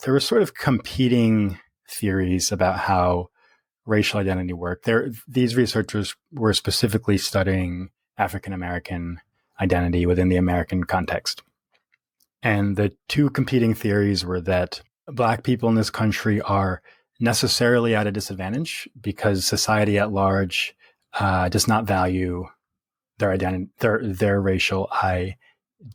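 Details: Stuttering in an adult man who has stuttered since early childhood, harder through adolescence and young adulthood, now fairly easy after embracing his stutter; repetitions audible.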